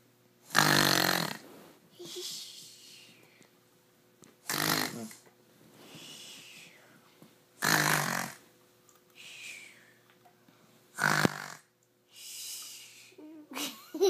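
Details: Snoring demonstration.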